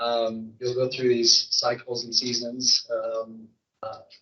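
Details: Adult speaker; normal voice.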